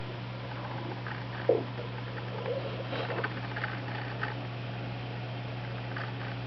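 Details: Irregular gurgles and rumbles from the belly of a dog with SIBO and/or EPI, over a steady low hum and a squeaking chair; the owner is unsure which condition causes these loud, hyperactive bowel sounds (borborygmi).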